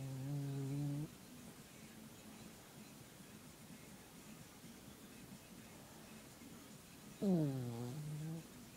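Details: Snoring in a sleeping female dog that always snores when she sleeps: two low, buzzy snores about six seconds apart with quiet room noise between.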